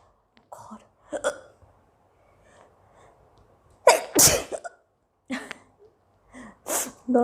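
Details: Young Indian girl with persistent hiccups: short hiccup-like catches in a quiet room, then two loud sneezes in quick succession and more hiccups.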